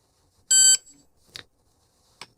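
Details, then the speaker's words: ThermoGlide thermal ablation of a cervical lesion, training demonstration: a loud electronic beep and two short clicks as the heated unit treats tissue, with one blue light removed every five seconds to track remaining time. "unit is now heated and treating the tissue every five seconds one blue light will be removed and this allows you to give the patient an adequate assessment of how much time is left in the procedure"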